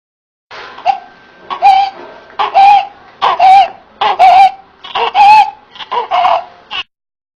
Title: Neonatal Stridor